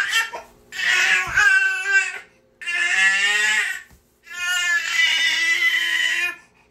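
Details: Infant niece recorded crying nonstop; infant crying.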